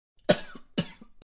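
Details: Royalty-free sound effect: two sharp, dry coughs in quick succession from an adult, each a brief explosive burst.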